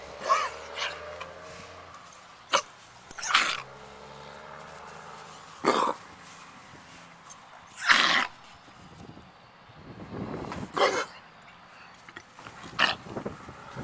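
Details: Dog coughing in a quiet room, recorded with a Flip Video camera: about six irregular, short, sharp expulsive bursts over fourteen seconds with a snorting quality.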